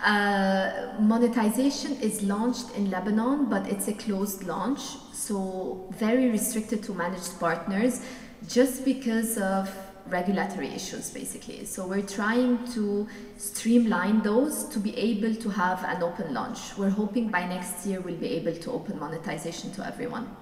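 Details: Adult woman speaking; typical voice.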